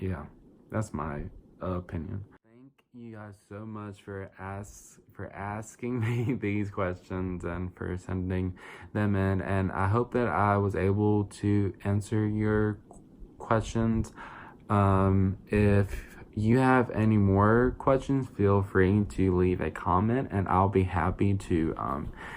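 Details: 22-year-old adult diagnosed with childhood apraxia of speech when young and rediagnosed with verbal apraxia around age 20; a neurological brain-to-mouth planning disorder without muscle weakness, with about 8 years of speech therapy: verbal apraxia of speech.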